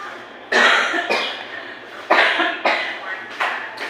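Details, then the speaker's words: Adult with a cough and sore throat, coughing five harsh, noisy, dry-sounding bursts over about four seconds against a faint low room hum; cough. "Ayan may may ubo ako yan sakit na ng lamunan ko sa kbo"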